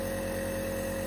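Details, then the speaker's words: Omron compressor nebuliser switched on, producing a cool mist of very weak sterile salt solution through tubing and mouthpiece: steady mechanical hum with a constant tone. "when i switch this on you see what happens now you see what's coming out of there it's almost like it's a vapor"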